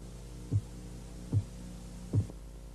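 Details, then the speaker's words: Blood pressure measurement: three faint, regular low tapping sounds over a steady hum, the first two regular beats marking Korotkoff phase 1, the accepted systolic reading. "El primer sonido que va a escuchar es un leve golpeteo que señala la fase Korotkov 1. La fase 1 comienza con los 2 primeros latidos regulares y es la medición sistólica aceptada."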